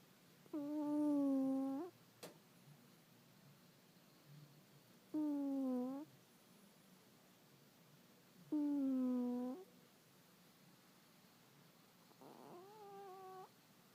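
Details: A sleeping cat snores softly, with faint whistling breaths about four in fourteen seconds over quiet room noise.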